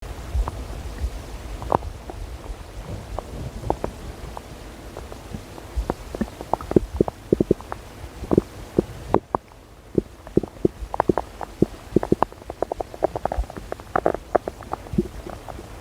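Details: Irregular gurgling pops and rumbles from the belly over a low background rumble; stomach growling, ordinary bowel sounds (borborygmi).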